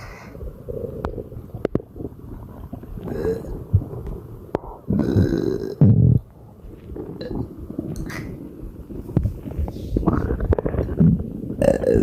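Long, deep, rumbling burps one after another with little pause, repeated belching with bloating.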